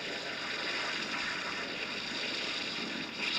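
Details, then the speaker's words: Simulation of music heard through an electric cochlear implant (patients effectively use 8–10 channels): a hissy, watery rushing noise with no clear melody or pitch. "Así es como suena un implante coclear eléctrico para el usuario el habla Generalmente es comprensible con la música es otra cosa así suena la música con un"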